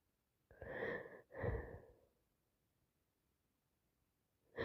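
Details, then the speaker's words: Congested person with a cold sneezing repeatedly; a quick breathy intake followed by a forceful, wet-sounding sneeze burst, with a second burst starting at the end. "Just can't stop. That's me. I'm congested. I need to sneeze."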